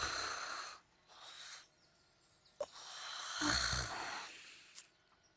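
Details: Acted snoring during a livestream: a few breathy inhaled and exhaled rushes, one with a low, fluttering snore-like rattle; imitated snoring.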